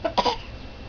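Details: A young child gives two quick, light, deliberate fake coughs, mimicking mom.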